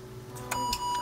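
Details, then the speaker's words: Covidien pulse oximeter alarm when the adult finger sensor is disconnected: steady high electronic tone with short beeps and flashing lights, silenced with the orange button. "You'll have these flashing lights and this beep. You can silence it by mashing the orange button."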